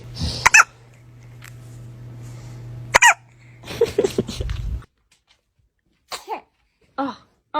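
Two sharp, high, bursting sneezes from a baby, followed by soft baby vocal sounds and quiet breaths, over a steady background hum.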